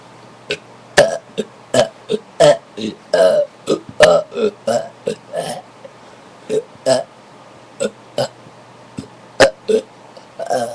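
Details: Rapid series of about twenty short, loud, throaty burps over faint room hum, recorded in a bathroom after drinking soda; repeated belching.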